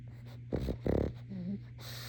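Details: Pug dog Sadie snoring while asleep: two rough, rattling snorts on breathing in, then a faint whistling nasal tone, over a steady low hum; snoring.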